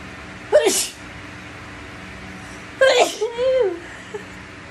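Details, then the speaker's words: Girl sneezing: two sneezes, the second trailing into a brief voiced sound, over a steady background hum. "hello dude today we have a list of top five sneeze number five girls sneeze"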